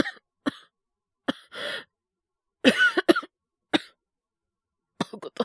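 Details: Simulated cough acted by a male voice actor playing a young man with a cold: several short, dry cough bursts with a throat-clearing sound.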